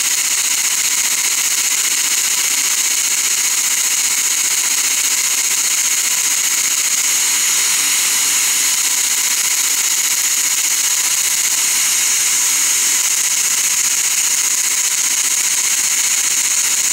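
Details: Dental laser in use during laser-assisted root canal on a lower bicuspid, for access, caries removal, debridement and decontamination: steady, loud high-pitched hiss and whir of equipment.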